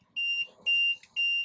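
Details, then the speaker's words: Repeated high-pitched steady beeps of a low-pressure alarm on an LTV-1200 ventilator, set off on purpose by disconnecting the circuit in a demonstration; the alarm signals a disconnect or leak. "low pressure limit tells us if there's a disconnect or there's a leak in the system this connect can be I pulled out like from here as I'm loading the patient so it's sensing it and you see this"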